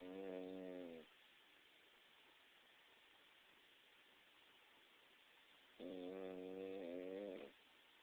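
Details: Two tonal, rattling snore sounds separated by a long quiet gap; snoring during sleep.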